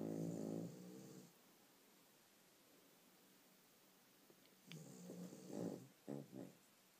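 Low, buzzing snore sounds from a sleeping dog, a long one at the start and several shorter ones later, separated by quiet.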